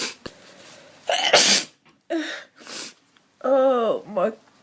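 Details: Person who says they are sick, with a very blocked nose and a sore head, gives a loud explosive sneeze after a sharp intake of breath, followed by short breathy sounds and a voiced sigh.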